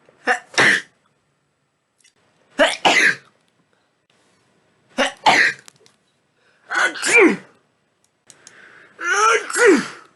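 Five loud sneezes in a row, each a quick in-breath then a sharp explosive burst, in a quiet room; repeated sneezing.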